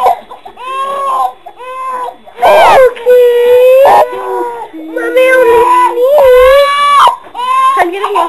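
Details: Infant startled into crying by mother's sneeze: loud, sustained wailing cries in repeated bursts with brief breaths between; upset infant crying.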